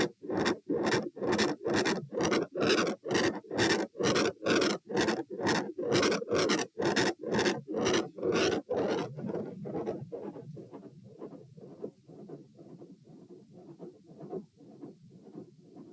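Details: Heart sounds recorded at the aortic area, supine, then standing, then supine: fast, regular beats near 128 a minute, very loud and harsh at first, then much quieter; heart sounds louder standing than lying.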